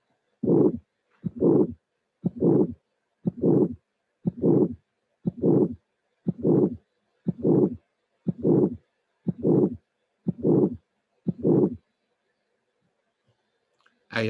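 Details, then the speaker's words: Severe aortic stenosis: a regular, harsh systolic murmur at about 60 beats a minute, its maximum intensity late in systole. "you will understand that there is the arctic stenosis and is also severe so please concentrate on the maximum intensity timing within systole"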